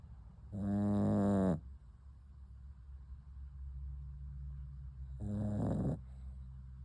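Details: A sleeping puppy: two loud, low, rattling snores on breaths about four seconds apart, with quieter breathing between; snoring.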